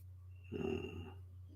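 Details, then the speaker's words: A dog (Jack) lying at his owner's feet snoring. "yeah can y'all hear jack snoring he he hasn't changed at all i'll tell you that he's uh he's sitting right down here right at my feet and he just now the snoring kicked in"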